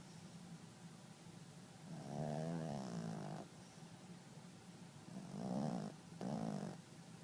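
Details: Dog snoring very loudly: rattling snores in slow, uneven breaths, about three in seven seconds, over steady room hiss.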